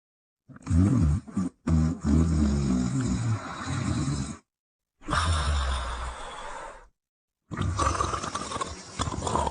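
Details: Heavy snoring during sleep: loud, rough, rattling breathing noises in long bursts with pauses between.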